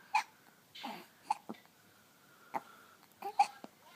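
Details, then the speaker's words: Baby with hiccups: several short, sharp voiced catches, about five in four seconds, with soft baby noises between, as an adult notices the hiccups. "oh you have hiccups now hello what are you doing it's a hard one"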